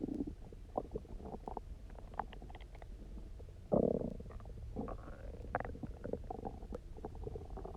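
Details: Loud, resonant, gurgling hunger stomach growls with a louder growl midway, after about 24 hours of near-fasting, then drinking lots of water and lying on the side; borborygmi.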